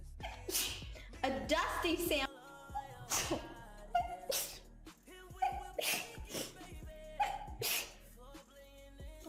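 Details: Dog sneezing: several short, sharp nasal sneezes with music playing throughout.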